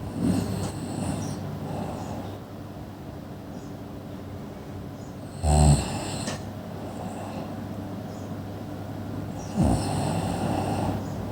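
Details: Sleeping person: low rumbling snores with a steady background hum; snoring.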